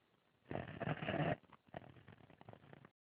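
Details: Loud snoring in a sleeping 4-year-old child: a loud, rough, rattling breath followed by a softer fluttering noise.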